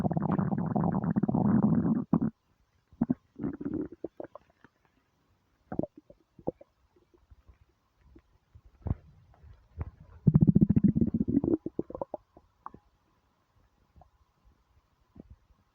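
Loud rumbling growls broken by bubbly pops and gurgles; ordinary hunger rumbling of an empty stomach.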